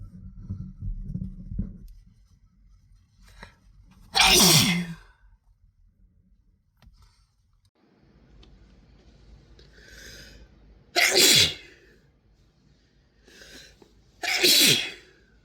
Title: Sick sneeze compilation